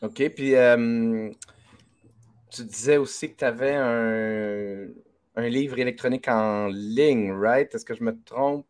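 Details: Adult male speaker; Typical speech.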